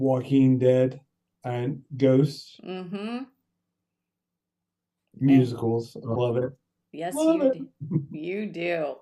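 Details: Adult stroke survivor with aphasia for seven years after a brain bleed caused by coughing during pneumonia; struggles with numbers, word retrieval and sentences, apraxia also affecting speech; aphasia.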